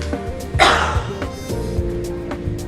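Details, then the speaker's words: Voluntary effective cough in a cough-training demonstration for clearing mucus: upright, a deep breath in and held, then a single deliberate, forceful cough over background music. "tarik napas tahan Tarik nafas Tarik nafas tahan dan bentuk"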